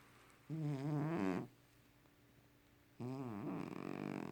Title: Super loud snoring cat